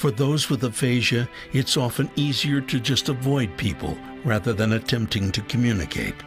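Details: Adult male narrator; fluent speech.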